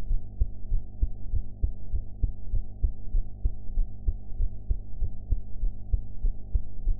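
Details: Own heart sounds recorded after eating, quality enhanced: steady low thumping heartbeat, roughly 95–100 beats a minute, with a constant hum underneath.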